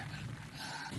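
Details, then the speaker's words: Child's single harsh, hoarse, bark-like cough with slight stridor after quiet room noise; barking croup cough indicating upper airway obstruction, e.g. acute laryngitis or allergic laryngeal angioedema. "嗽的声音，有点嘶哑的声音，而且带有一点轻微的喘鸣，像这小狗叫一样，这是犬吠样咳嗽。"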